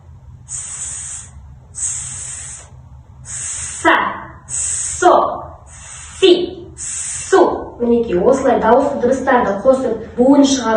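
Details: Child in an exercise to correct interdental sigmatism, biting a cotton swab between the teeth while producing /s/; interdental lisp (sigmatism), /s/ correction exercise.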